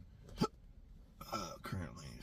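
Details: A sharp, abrupt hiccup then brief speech, from an adult with chronic intractable hiccups since December 2015 after a bad surgery outcome.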